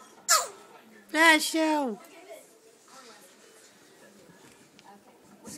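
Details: A small sneeze: a short sharp burst followed by a higher, squeaky voiced release, then quiet.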